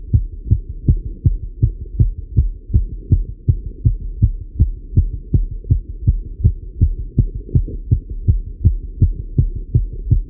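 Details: Male heartbeat recorded while riding a bike: regular, rapid heartbeat of about 160 beats a minute with a low hum beneath it; fast heart rate from exercise.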